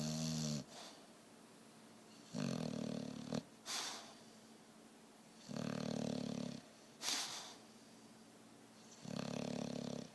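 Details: Buster, a sleeping dog: loud, buzzing snores at regular breaths, about 18 a minute, with sniffing breaths out between them; snoring.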